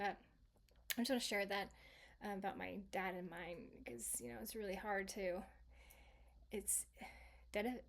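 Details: Residual aphasia in a female stroke survivor, 26 years after the stroke; originally global aphasia that has improved but persists, with speech she describes as sometimes okay and sometimes not.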